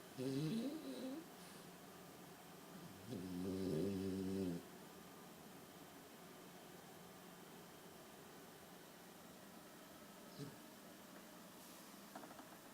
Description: Sjefke in a deep snoring sleep, he loves to lay in his big CROCS shoe bed !